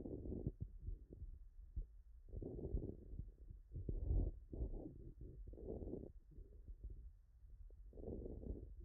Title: Bilateral Bibasal Fine End Inspiratory Crackles